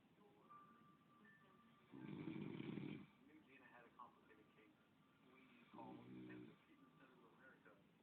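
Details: Snoring by a man, recorded by his girlfriend while she comments.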